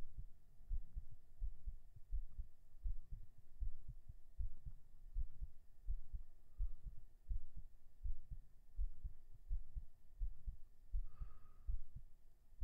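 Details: Binaural recording on day 18 of strength training, right after 37 push-ups: regular low thudding heartbeat under a steady room hum, brief noise near the end; normal heartbeat after exercise.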